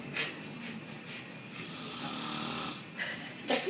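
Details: Adult man (dad) snoring asleep: rough, rattling breathing with a long drawn-out inhaled snore in the middle and short snorting bursts at the end; ordinary snoring.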